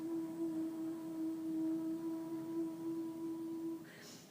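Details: Clinician deliberately demonstrating a breathy /u/ during Vocal Function Exercises, with much breath escaping alongside the voice, described as a disengaged voice; breathy voice.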